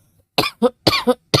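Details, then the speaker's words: Adult cough, close to the microphone: a quick run of about five short, partly voiced coughs, which a commentator suspects was put on. "And I'm going to repeat myself by saying that sounded like another put on cough to be."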